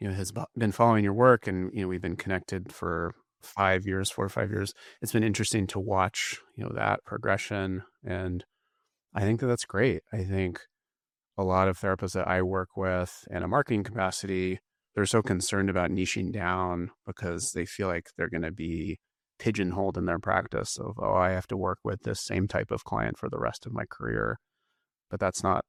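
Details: Adult man speaking; normal voice.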